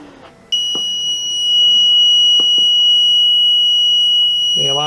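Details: Loud, continuous high-pitched tone from a homemade open-circuit alarm that sounds when a home ventilator is deliberately shut down in a test, since the ventilator's own alarm had failed; ventilator failure alarm.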